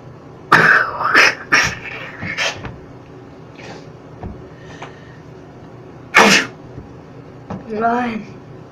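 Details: A person deliberately trying to sneeze with eyes open: several sharp bursts of breath and throat noise, then one loud explosive sneeze followed by a brief voiced sound; an ordinary sneeze.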